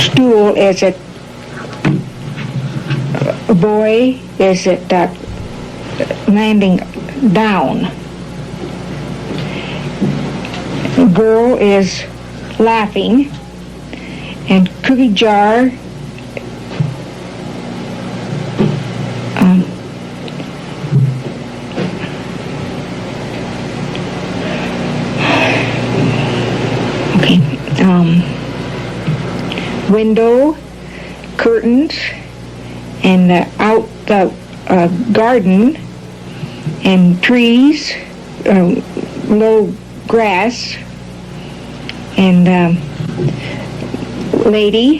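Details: Mild, non-fluent Broca's (expressive) aphasia in a patient describing a picture, with correct content words but no complete sentences.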